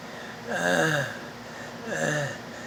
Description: Sounds of stridor